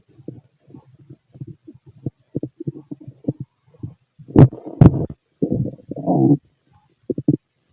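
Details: Healthy male's stomach, described as loud in person: low irregular gurgles and squelches building to loud rumbling growls; stomach growling, normal bowel sounds of a healthy digestive system.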